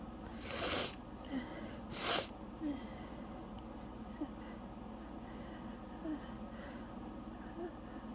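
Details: Can't-stop, dizzying sneezing fit: two loud explosive sneezes in quick succession, then short sniffs and breaths; the fit left the sneezer breathless and lightheaded.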